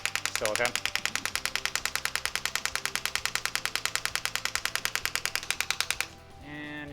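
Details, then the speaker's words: Female patient with tennis elbow (lateral epicondylitis): rapid, regular sharp clicks, about 200 a minute, from a focused shockwave therapy head firing at the elbow. "okay now we're swapping out into a much more focused head on the unit"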